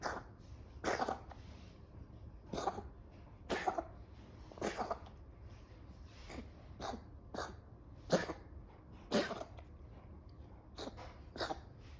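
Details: A pet animal gives about a dozen short, harsh coughs at irregular intervals over twelve seconds.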